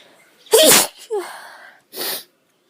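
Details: One loud explosive sneeze, then a short breathy sound and a soft exhale, from a woman in Australia with an itchy nose.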